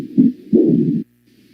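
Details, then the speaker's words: Austin Flint murmur heard at the apex (mitral focus) with the patient in left lateral decubitus: a low rumbling murmur. It is a functional mitral stenosis from the aortic regurgitant jet pushing on the anterior mitral leaflet. "Es el soplo de Austin Flynn. Entonces, en decúbito lateral izquierdo, en la punta, el foco mitral, se escucha este soplo"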